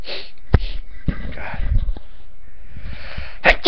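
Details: Summer sneezing that the person says comes from a product they are using, which is clearing things up: two sharp bursts, likely a sneeze and a sniff, with a fainter burst near the end.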